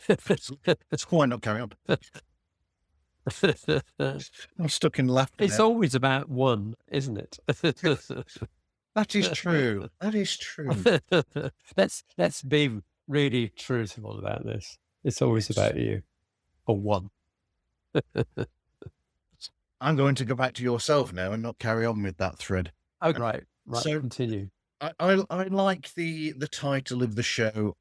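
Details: Aphasia in an adult man following a sudden stroke, treated with speech and language therapy.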